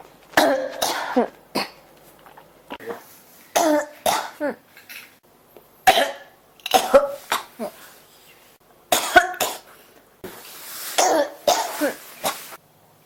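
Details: Person who can't stop coughing: repeated harsh coughs in short clusters, about a dozen over thirteen seconds, some with a throat-clearing quality, in a quiet room.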